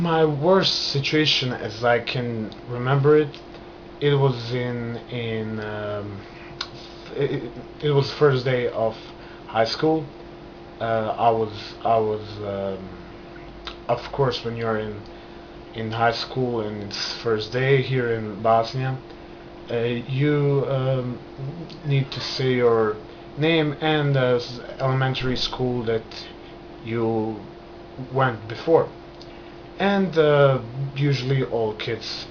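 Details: Adult man who has stammered since early childhood, noticed in kindergarten, beginning after a trauma; still stutters, controlled by hand movements, pacing and breathing; word repetitions heard; stuttering.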